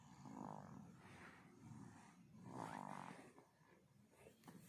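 Soft, rattling snoring breaths from a sleeping baby, with faint room noise.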